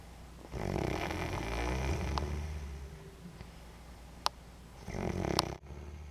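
Low rumbling, fluttering snore on the breath in, then a quieter stretch and a second snore; a few sharp clicks in the room.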